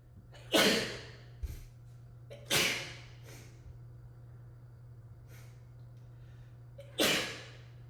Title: Rapid, desperate sneezing fit in an echoey room